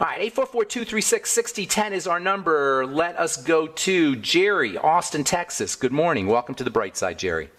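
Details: Adult male speaker; Normal speech.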